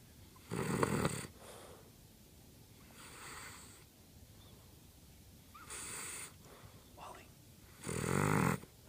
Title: Snoring